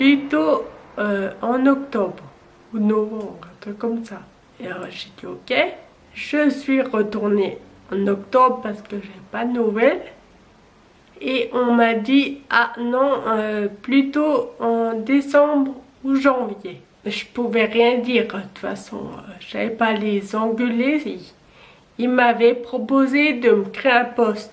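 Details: 27-year-old woman with Friedreich's ataxia, a genetic neurodegenerative disease with onset at age 10; she has used a wheelchair since age 18; ataxic dysarthria.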